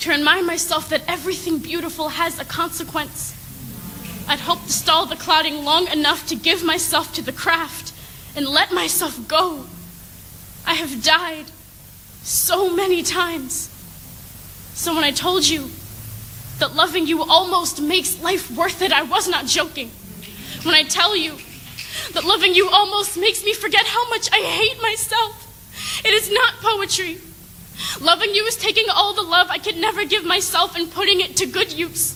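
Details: Adult reading poetry aloud; normal speech.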